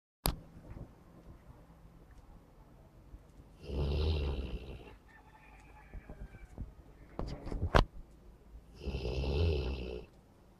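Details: A dog snoring.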